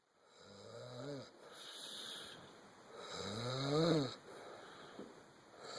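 Two rattling, buzzing snores on breathing in, the second louder, with a hissing out-breath between them.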